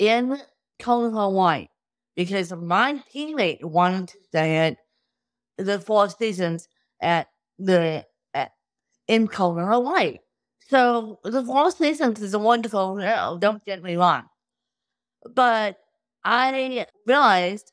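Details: Adult woman with cerebral palsy since birth, caused by lack of oxygen at birth; wheelchair user who reports difficulty speaking, sitting up and eating, and tires easily: dysarthria.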